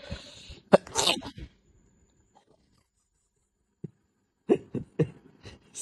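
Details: Adult human sneeze, a single loud explosive sneeze in a small room, followed by silence and brief sounds as the owner's Persian cat reacts.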